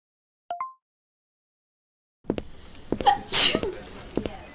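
A single loud, hissing sneeze burst after a short tonal sound and silence; an acted adult sneeze.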